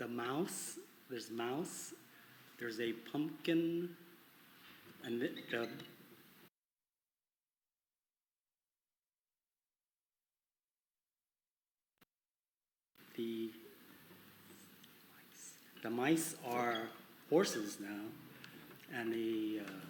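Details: Adult man with conduction aphasia attributed to arcuate fasciculus damage, with good comprehension and impaired repetition; conduction aphasia.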